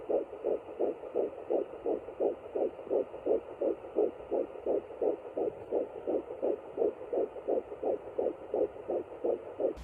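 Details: Rapid, regular whooshing fetal heartbeat, about 170 beats per minute, found with an at-home Doppler at 9 weeks 4 days of a second pregnancy.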